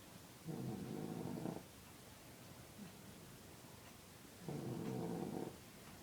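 Two low, rattling snores about four seconds apart over steady room noise: snoring.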